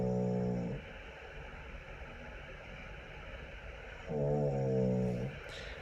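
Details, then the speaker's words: Adult man with sleep apnoea, recorded overnight while sleeping: two loud, drawn-out snores with a strained, gasping-for-air quality separated by a quiet pause; obstructive sleep apnoea snoring. "So that's a really drawn out and almost like gasping for air."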